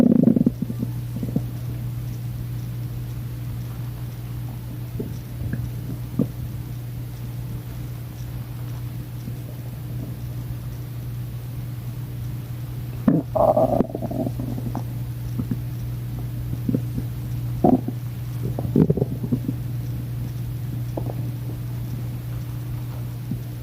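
Low gurgling and brief squeaky rumbles from an empty stomach over a steady low hum.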